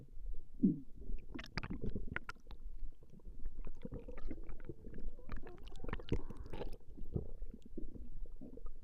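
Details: Woman's stomach growling recorded over a 20-minute session: continuous low rumbling and gurgling with irregular bubbling pops, ordinary bowel sounds (borborygmi).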